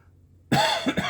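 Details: Adult with ongoing cough and wheeze; ENT scope showed redness and irritation at top of esophagus, suspected acid reflux; talking triggers coughing. Cough sounds; chronic cough.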